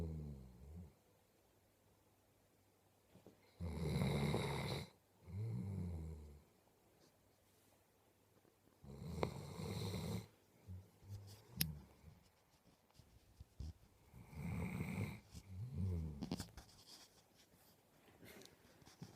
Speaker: you are a big snoring lump you are a big snoring lump yes you are you